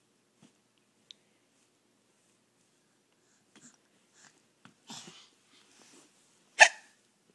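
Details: Scattered faint, abrupt hiccup sounds, ending with one sharper hiccup.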